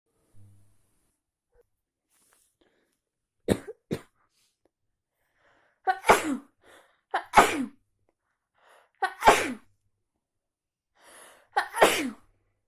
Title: Sneezes in the office .allergies+cold